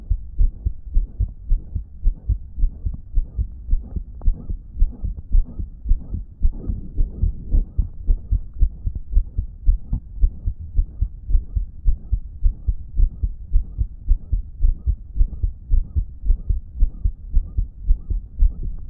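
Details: Phone recording from a person with a damaged heart that wasn't pumping effectively: fast regular heartbeat near 110/min with a loud blowing whoosh filling the gaps between beats, a loud heart murmur.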